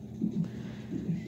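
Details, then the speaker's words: Rhythmic low whooshing pulses from a labour monitor speaker, fetal heartbeat on Doppler that drops during contractions, with a possible placental problem and a c-section decided; fetal heartbeat on Doppler monitor. "and you can even hear it like because i'm having a contraction right now and you hear his heart so i don't want to cause any damage to the baby so we're gonna get a c-section"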